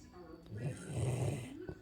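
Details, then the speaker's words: Sleeping 100-pound Labrador dog lying on its owner as a pillow, snoring: a low, rumbling snore on one drawn-in breath. "today I'm the human pillow for this big bingy baby he was snoring but he heard me say his name oh there he goes again"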